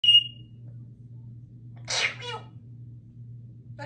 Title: Symon the African Grey Talking Parrot sneezes and says Achoo🤧#talkingparrot #cag #sneeze